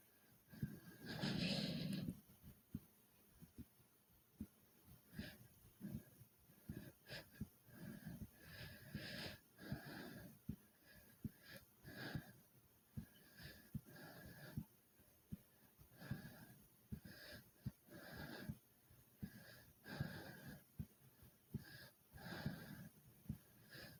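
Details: Heavy breathing and fast heartbeat after doing many jumping jacks; fast, deep, audible breaths in and out, a normal response to exertion.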